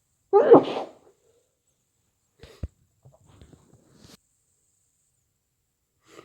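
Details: Person with a cold: one muffled, snotty, sharp sneeze followed by faint sniffs and small noises in a quiet room.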